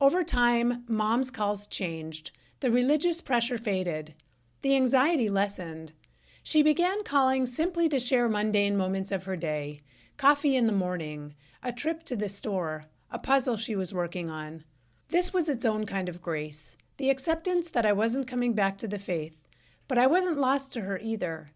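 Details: Adult woman narrating; typical speech.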